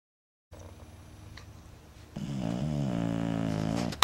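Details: A female puppy snoring in sleep: soft breathing noise, then one long, drawn-out tonal snore with a groaning quality.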